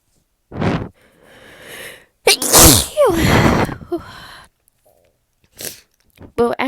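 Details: Person reading aloud while needing to sneeze, by request: a few catching breaths build up, then one loud explosive sneeze; a normal sneeze reflex.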